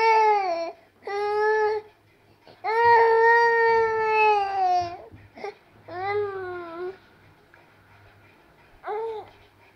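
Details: Babies crying: loud, high-pitched wailing cries in repeated bursts separated by breaths; ordinary infant crying.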